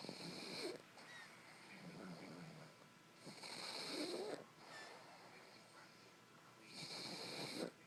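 Rhythmic, raspy snoring in time with slow breathing, about 18 breaths a minute, from a sleeping dog.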